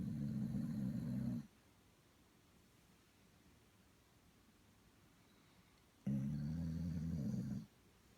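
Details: Sleeping dog snoring: two long, low, rattling snores separated by a quiet pause of about four seconds.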